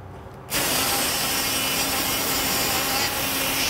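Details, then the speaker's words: Steady loud buzzing rasp of a powered surgical bone saw, the blade passed through a guide slot to saw off and shape the femur end on a practice model during a knee replacement demonstration. "See I'm putting this saw blade through a slot and sawing off the end of the bone."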